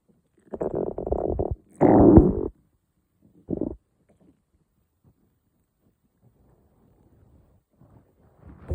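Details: Morning stomach growling: low rumbling, gurgling bursts in a quiet room, then silence; bowel sounds (borborygmi).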